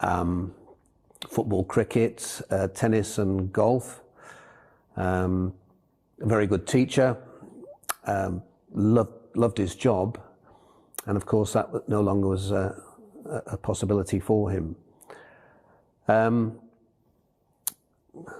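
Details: Aphasia following a stroke in an adult man.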